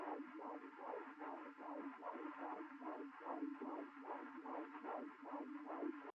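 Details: Fetal heartbeat at 16 weeks of pregnancy, recorded at home with a handheld Doppler: rapid, rhythmic whooshing pulses.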